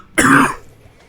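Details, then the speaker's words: Single harsh, rough adult cough or throat clearing, under half a second, straight into the microphone; afterward the person's eyes were watering and they needed a drink. "excuse me. Okay, that sounded demonic. Yeah, the first cough was straight into the microphone."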